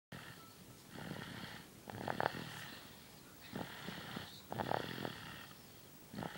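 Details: A sleeping dog snoring: soft, irregular snorting breaths with faint rattling on each breath, about 24 a minute.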